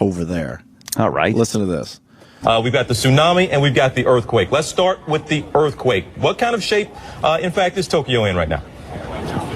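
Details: Adult male speaker; no disorder.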